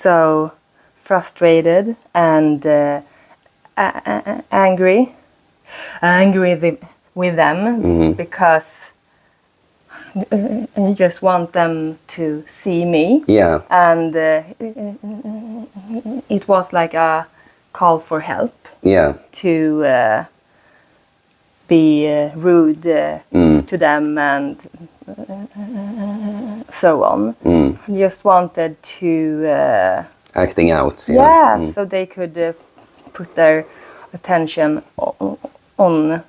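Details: Woman, 36, who stutters; she says her stutter shows more under stress and she uses a speaking technique; repetitions audible; stuttering.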